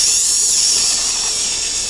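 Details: Continuous high-pitched whine with hissing water irrigation from a pilot implant drill through a surgical guide during simulated all-on-4 guided surgery on an edentulous jaw phantom; dental implant drill with irrigation.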